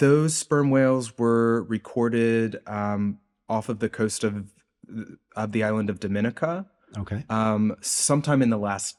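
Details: Adult male postdoctoral researcher, self-reported speech impediment audible throughout an interview; this stretch has word repetitions; stuttering (disfluent speech with word repetition).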